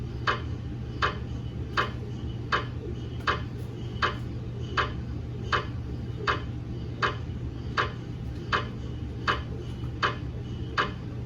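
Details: Regular sharp knocking clicks about 80 a minute over a steady low hum from a GE MRI scanner running a daily quality-assurance scan on a head phantom in a head coil: MRI scanner noise.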